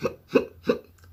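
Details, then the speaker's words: Person with Tourette syndrome discussing tic attacks and hiccuping tics: two quick, sharp hiccup-like vocal bursts in a quiet room; vocal tic. "for some context um tic attacks are very violent outbursts of ticks"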